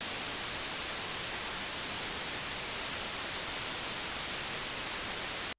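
Steady, even hiss across all pitches, cut off abruptly at the end: a hearing aid white noise sound used to mask tinnitus.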